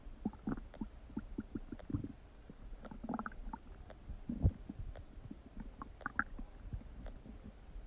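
Irregular low gurgles, rumbles and squelches from the abdomen: loud stomach rumbling, ordinary bowel sounds.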